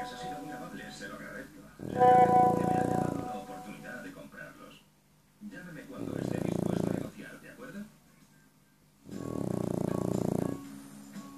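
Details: French bulldog snoring, fast asleep and comfortable on a sofa: three long, loud, rattling snores about every four seconds, roughly 15 a minute, with guitar music behind.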